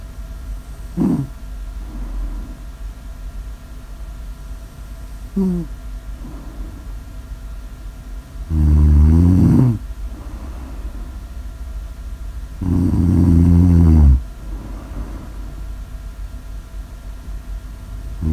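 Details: Snore audio ASMR recording: two long, loud, rumbling inspiratory snores with fainter snorts between, over steady background hum.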